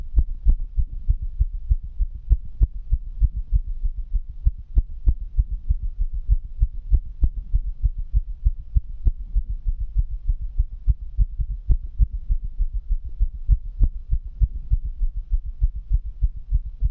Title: Fast heartbeat ❤️❤️